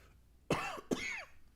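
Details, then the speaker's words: Two quick, harsh coughs from an adult man choking on water, a reflex cough, while he says he has been ill all week and cannot breathe through his nose. "That's [clears throat] okay. That's okay. I'm choking on that water, but that's okay."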